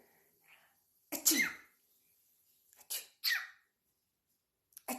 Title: AAaachoo sneeze sneeze🤣🤣🤣🤣🤣